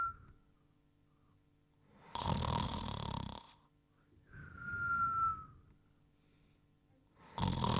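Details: Cartoon snoring (simulated): a rough rattling snore on the in-breath, then a whistled breath out, repeating slowly.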